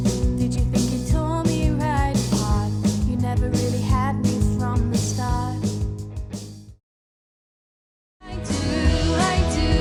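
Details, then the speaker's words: Simulated high-frequency hearing loss: rock music with drums plays, pauses, then resumes with content at 15 kHz and above removed, trimming away the highest cymbal sparkle. "so let's have a listen to the mix with and without the 15 kilohertz and above frequencies"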